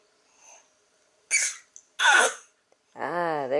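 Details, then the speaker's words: A baby deliberately makes a playful fake cough, his newest trick: two short, breathy cough-like bursts, then a brief voiced sound. This is a voluntary cough, not illness. "goes the fake cough the fake cough is the newest in sami's repertoire we're not sure why he likes to cough so much but he's decided he likes to cough"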